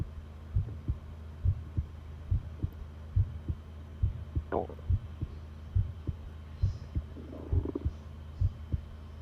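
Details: Long heartbeat recording: normal heart sounds, a steady, low thumping heartbeat at about 69 beats a minute over a faint hum.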